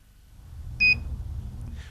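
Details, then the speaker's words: Short high-pitched electronic chirp over faint room hum from a Philips HeartStart HS1 defibrillator: self-test found the SMART pads cartridge unsuitable for use, ready light off, i-button flashing. "if the self test indicates that the cartridge is not suitable for use the ready light will go off the defibrillator will chirp and the eye button will flash"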